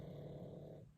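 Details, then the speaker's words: Pet dog Gilbert snoring in the background in a quiet indoor room: a low, rough, rumbling breath sound fading at the end; snoring. "so you can probably hear Gilbert snoring in the background like boom"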